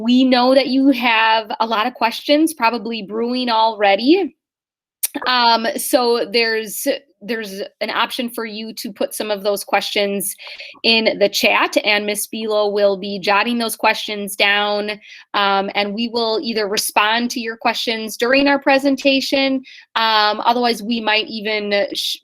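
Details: Adult woman speaking; normal voice.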